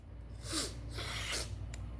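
Two quick breathy bursts with an intake of breath before them, acted sneezes during a story reading.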